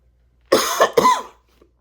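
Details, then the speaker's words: An adult gives a short burst of about three harsh, voiced coughs, set off by a throat itch after struggling to hold them back; cough. "I'm struggling not to cough, because I have this itch, and I"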